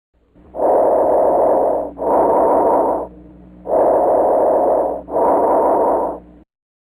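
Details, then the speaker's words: Loud, harsh, hollow breath sounds with equally long inspiratory and expiratory phases and a brief gap: bronchial breathing, indicating lung consolidation, possibly pneumonia or other causes. Played as a quiz auscultation question. "all right so you rightly picked up the bronchial breathing but it doesn't neces it could be pneumonia but it could be other causes of lung consolidation"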